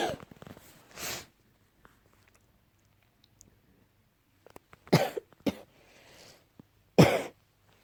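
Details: Morning cough, possibly allergy-related (tagged allergy): about four separate coughs in a quiet room, a couple of them loud and harsh.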